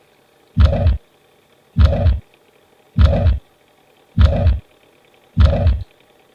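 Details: Teaching recording from a paediatric heart murmur lecture: regular heartbeats about 50 a minute, each with a sustained blowing noise through systole, a mitral regurgitation systolic murmur.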